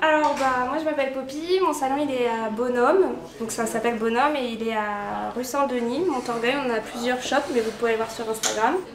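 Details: Adult speaker; ordinary speech.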